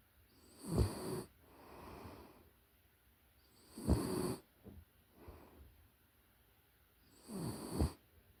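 Soft snores from a sleeping puppy, three in about eight seconds, each a low rumbling breath followed by a quieter exhale. Ordinary sleep snoring.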